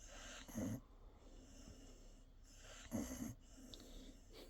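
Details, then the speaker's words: Sleeping cavapoo dog: two loud snorting snore bursts a few seconds apart with quiet breathing between; ordinary snoring. "listen to Benji snoring everyone"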